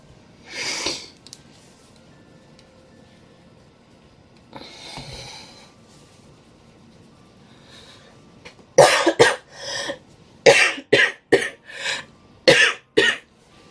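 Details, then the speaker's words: Adult woman with cold-induced, exercise-induced asthma: cough fit of two early coughs, then a rapid run of about nine short, dry coughs; asthmatic cough. "If you wanted to hear what the cough sounds like, that's what it sounds like, because I have asthma, and it's cold-induced asthma, which means that it's also exercise-induced asthma, which is a thing."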